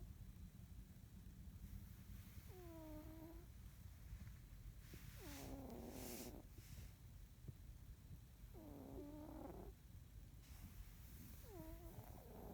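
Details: A sleeping cat snoring: soft whistling, squeaky nasal breaths about 20 a minute over a steady background hum.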